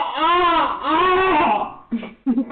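Two drawn-out, high, wavering wails from an infant, followed by shorter fussy sounds; an ordinary infant cry.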